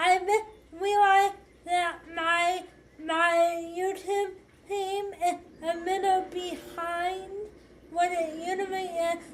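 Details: 25-year-old woman with cerebral palsy affecting hand movement and walking: speech of an adult with cerebral palsy.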